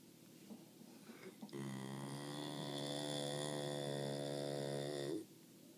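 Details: Snoring American Bulldog: a few soft breathing noises, then one long, steady, buzzing snore lasting several seconds.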